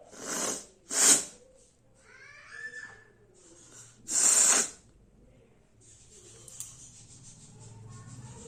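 Two sharp, hissy bursts early on and a third loud burst later, with faint voice and room noise between; ordinary sneezes.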